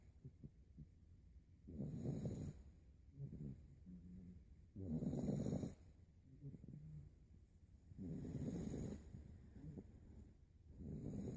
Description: This 8 week old puppy played hard and slept hard...passed out and sawing logs!